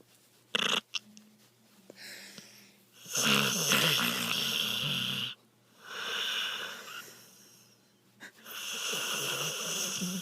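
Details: Sleeping dog snoring in owner's arms: loud, harsh, raspy breathing noises in uneven bursts, with whistling and snorting at times.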